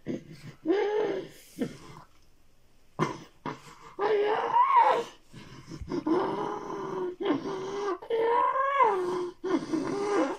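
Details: Girl at the end of a tonic-clonic seizure, which lately end with heaving and heavy breathing, seizure end and recovery hard to separate: repeated voiced groaning heaves and heavy, labored breaths.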